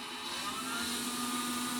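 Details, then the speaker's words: Steady whirring blower noise with faint whine from a helmet-based non-invasive ventilator started at 5 EPAP/IPAP, then raised to 15 CPAP, during a setup demonstration without a patient. "to check if the unit is working properly you can just press start so here you hear a sound"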